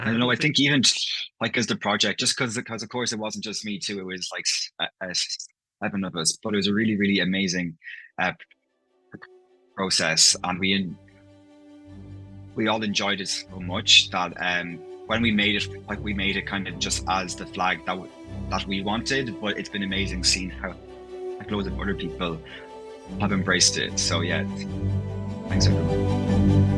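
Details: Adult man from Ireland, living in London, who stammers, with part-word and whole-word repetitions heard in his speech; stammering (stuttering).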